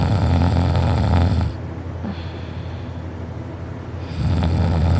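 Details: Person asleep, first on their side and then rolling onto their back, recorded by a family member: loud, coarse, rattling snores on inhalation, separated by a quieter breath out; heavy snoring.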